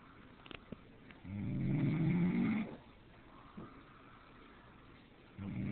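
A low, rattling snore on one breath lasting about a second and a half, a quiet pause, then the next snore beginning: snoring.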